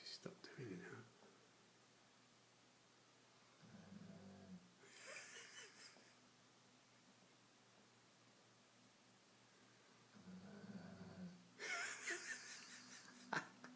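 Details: Slow, low rumbling breaths in sleep, about two cycles heard, each with a rough inward snore and a soft breathy outflow: snoring.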